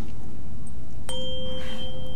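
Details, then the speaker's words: Tuning fork struck about one second in during an ASMR role-play hearing test: steady pure ringing tone over low rumble. "I'm going to bring this tuning fork to your head and just along different resonance chambers of the scalp. Let me know when the sound stops."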